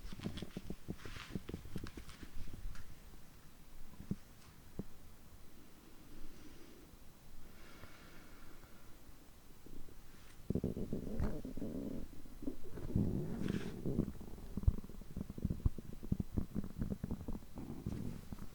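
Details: Borborygmi recorded close to the belly after overeating: low gurgling and rumbling with bubbly crackle in a quiet room; stomach groans like this for over 3 hours on such days.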